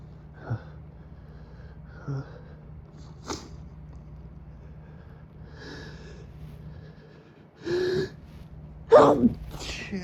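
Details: Sneezing at 3 a.m. in a motel room after turning on the AC, nose already itchy and runny from high pollen: sharp inward gasps, then muffled, held-back sneezes growing stronger near the end.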